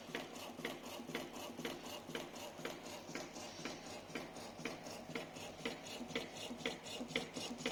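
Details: Low-cost mini assistive mechanical ventilator prototype, motor-driven bag-valve-mask compression, educational proof of concept not for clinical use: steady mechanical clicking and rubbing, about two per second.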